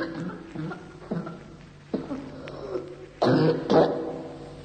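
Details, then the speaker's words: Several short, dry, irritable cough bursts, then a stronger, effortful two-part cough that laboriously expels a small amount of thick, glassy mucus at the end of the fit. An irritative cough with mucus expectoration. "Solo alla fine di questa tosse stizzosa viene faticosamente espulsa una piccola quantità di muco, denso e vitreo."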